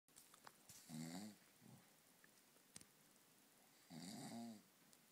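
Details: Man snoring after a few too many beers: two loud, rough, buzzing inhaled snores about three seconds apart, with faint background noise.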